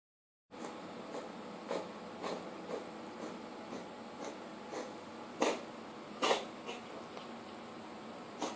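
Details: Asthmatic cat's cough at its first appearance, treated with prednisolone but later coughing again: repeated short, harsh expiratory bursts over steady room hum; a feline asthma coughing spell.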